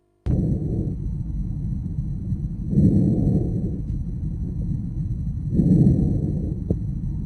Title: Auscultation réspiratoire